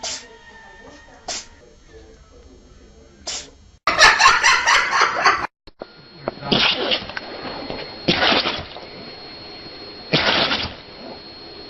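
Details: Compilation of animals sneezing: several short explosive sneezes from small animals, with music and a loud noisy stretch.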